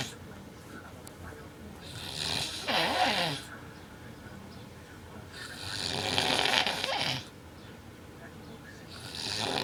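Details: Adult man (boyfriend) with severe snoring during sleep: loud, harsh snores on breaths about four seconds apart, roughly 14 a minute, with quieter breathing between.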